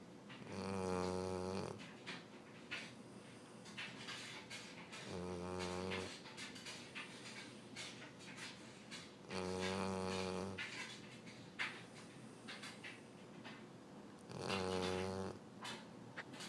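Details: A sleeping dog named Sully gives loud, buzzing snores, as he does every night, about 13 per minute, with quieter breathing and room noise between.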